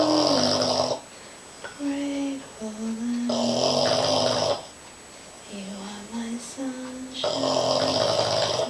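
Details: A sleeping Boston Terrier snoring loudly and roughly on each breath, about 17 breaths a minute, with whistling, squeaky sounds between snores.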